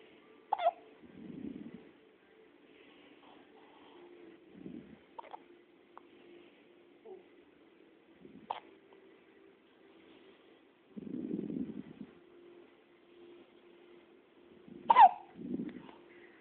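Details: Hiccups: a few sharp, abrupt catches in a quiet room, each followed by a soft breath, recurring every few seconds.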